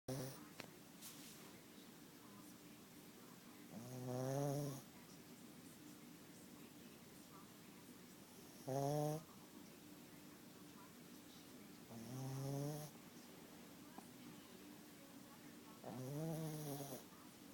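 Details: Sleeping dog snoring in a quiet room: four rattling snores, each on the in-breath, at roughly 13 breaths a minute.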